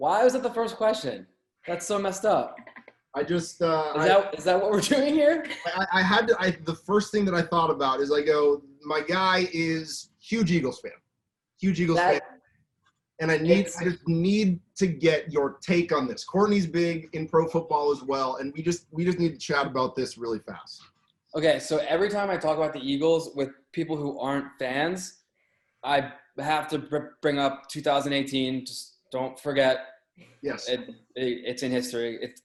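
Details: Adult male with a lifelong stutter that in childhood made reading in class and speaking to anybody hard; stuttering.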